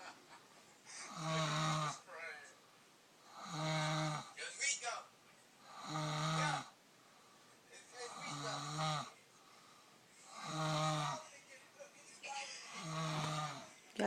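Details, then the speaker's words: Loud snoring heard at about 2 a.m. while someone else tries to sleep; snoring. "This is really what this little loud ass bitch sounds like when I'm trying to fucking sleep at 2 something in the morning."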